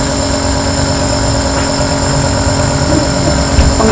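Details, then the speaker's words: Steady loud mechanical hum and rattle of an Omron NE-C28 compressor jet nebulizer running for inhalation therapy for cough, cold and asthma; used up to about 15 minutes for adults, 7–10 minutes for children. "dengan menggunakan jet nebulizer ini kurang lebih selama paling lama 15 menit untuk untuk takaran."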